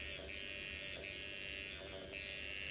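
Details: Steady high-pitched electric buzz of a microneedling pen running against the skin of a self-treating adult after 20 minutes of numbing, pitch shifting as it moves and the skin reddens; microneedling pen operating.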